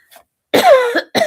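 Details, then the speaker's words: A single harsh cough with a throat-clearing sound, from an adult woman on a livestream who attributes the coughing to skipping her allergy pill that day. "The coughing is because I neglected to take my allergy pill today."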